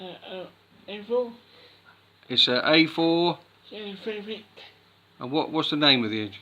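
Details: Child speaking, possibly with an adult; speech.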